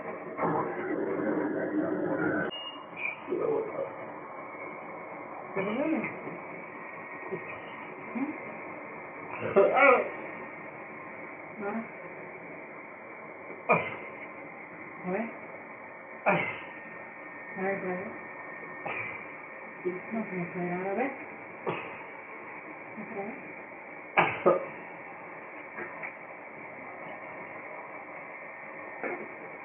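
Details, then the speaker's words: Mechanical insufflation-exsufflation with a cough assist machine on a person with ALS, operated by the caregiver, to clear secretions: an airflow rush, then short bursts and strained voiced sounds. "Pues esto que habéis visto es una pequeña parte de lo que es la utilización del Cough Assist, el asistente de tos, que hay que hacer porque si no nos ahogaríamos con nuestras propias flemas."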